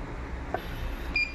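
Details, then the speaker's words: Repaired infusion pump, working after an IC replacement, with a low battery: a short electronic tone over faint room hum; low-battery alarm prompting connection to external power. "so after replacing the IC now it is working good AC power are also working low battery so you can see connect external power"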